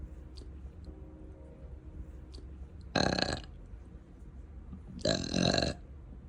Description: Just loops of me dangling a slipper, faceless burping then bestowing a gift from me to all you gassy bubbles lovers😂🩵😘.